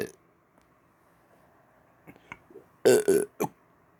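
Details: Deliberate on-command burping after teeth brushing: a few soft throat clicks, then two loud rumbling belches and a shorter third one.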